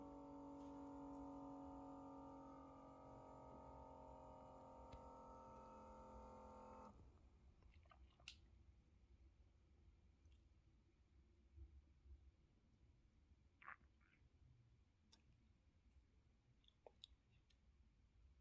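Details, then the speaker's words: Omron M7 Intelli IT blood pressure monitor in AFib-detection mode, which takes three readings 30 seconds apart; this is the second reading, with a steady motor hum of cuff inflation for about seven seconds, then quiet room noise. "it makes a break of 30 seconds between the measurements so it will take the second measurement and then the third measurement so this is the second measurement"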